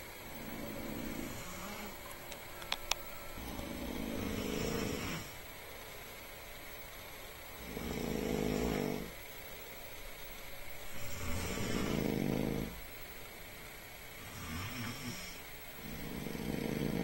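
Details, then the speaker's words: Two sleeping friends snoring: loud, harsh snores recurring every three to four seconds, rough and rattling on each breath in, with faint room noise. "and these two motherfuckers is snoring like crazy."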